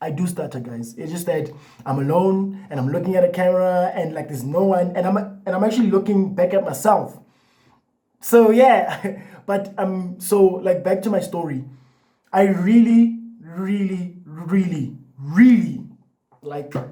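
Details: Adult man with lifelong stuttering, in therapy for a year and a half plus a support group and breathing exercises, so the stutter may be partly masked; stuttering.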